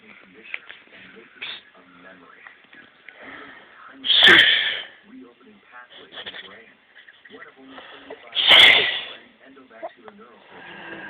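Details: Baby, also noted to have hiccups: two loud, sharp sneezes about four seconds apart, with soft voice sounds in between; ordinary sneezing.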